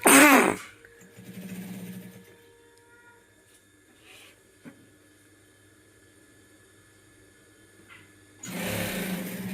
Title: Nose sneezing//video